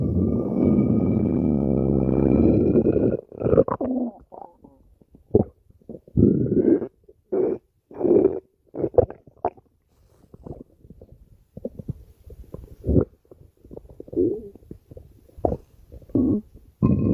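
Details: Ordinary stomach growling: a long low rumbling gurgle followed by a series of short bubbling gurgles and squeaks, a normal sound of gut movement.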